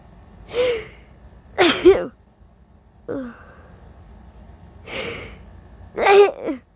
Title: Covered (and uncovered) allergy sneezes, and coughs, with holdbacks🤧😫